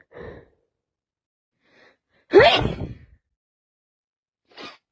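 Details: Person with a head cold, constantly sneezing, sniffing and coughing: brief breath, then one loud explosive sneeze with a quieter trailing sound.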